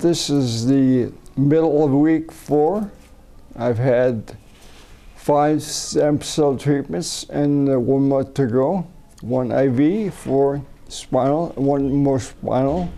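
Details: Adult man with a neurodegenerative disorder first diagnosed as cerebellar ataxia, later rediagnosed as multiple system atrophy, recorded during umbilical cord blood stem cell treatment in China, seeing a speech pathologist; slurred, garbled words; ataxic dysarthria.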